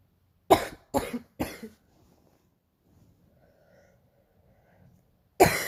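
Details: Painful morning cough: three harsh coughs in quick succession, a quiet pause, then a fourth forceful cough.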